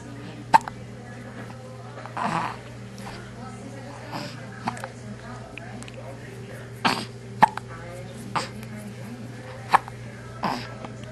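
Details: Hiccups: several abrupt, sharp hiccup sounds at irregular intervals over a steady background hum.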